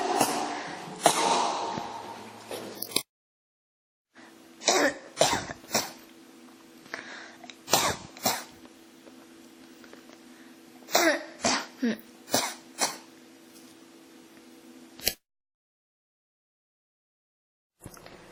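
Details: Coughing that won't stop (ASMR-tagged recording): around a dozen short coughs and throat clears in clusters over about fifteen seconds, steady low background hum; persistent cough.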